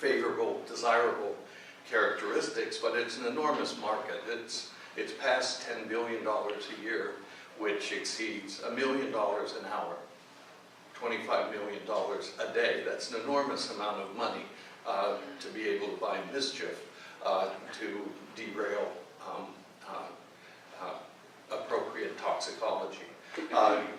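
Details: Adult man whose voice wavers from essential tremor, which his father had in his hands but he has in his voice; essential voice tremor.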